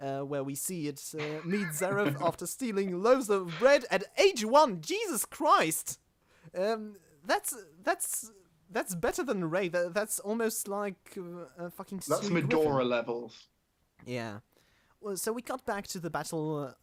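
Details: Male podcast host who describes himself as stammering; stuttering.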